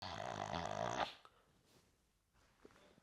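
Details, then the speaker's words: Snoring, attributed to relaxed muscles of the back of the throat, soft palate, uvula and tongue: one second of loud, buzzing, rattling breath, then near silence; a single snore. "Mais pourquoi on ronfle déjà? Pour faire simple, les muscles de ton arrière-gorge, de la voile du palais, de la luette et de la langue se relâchent."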